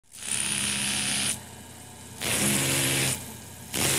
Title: Dentist Drill Start, Run and Stop | Best Sound Effects Free